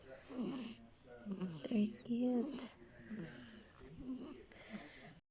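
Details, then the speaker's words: Five-week-old baby sleeping while songs play, with a loud snore: soft, noisy breathing with snorting, tonal snore-like noises on each breath; infant snoring. "the 5 weeks old snore. His snore is loud"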